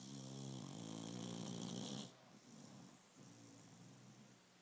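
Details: Snoring from a sleeping beagle: a short, low buzzing snore, then a softer wheezy breath over faint room hiss.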